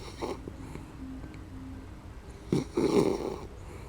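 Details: Sleeping female dachshund snoring: quiet rough snoring noises with a couple of louder snorting breaths near the end; owner says she sometimes snored loud enough to wake herself.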